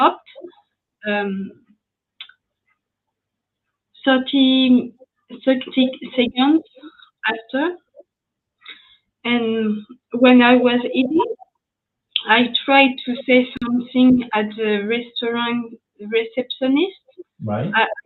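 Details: French woman, ischemic stroke at age 22 in July 2011, mute for 10 days, then spoke very badly even in her native language; a year of rehabilitation, still recovering speech, here speaking English; post-stroke aphasia.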